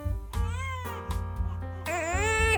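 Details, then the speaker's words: Short bursts of high, wailing crying from a newborn twin over background music, inconsolable crying the parent suspected was infantile colic. "그런 모음 2 가 신생아 시기에 잠깐 엄마 아빠를 고통 시킨 적이 있었는데요 그게 바로 이유를 알 수 없는 운이 얻습니다"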